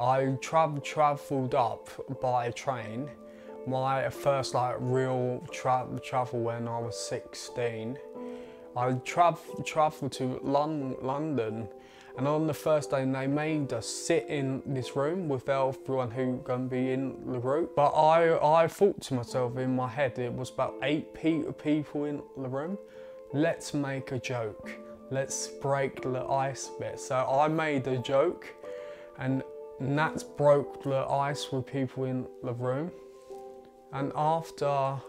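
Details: 20-year-old man with a stammer that began around age eight, who gritted his teeth when speaking as a child; stuttering (stammer).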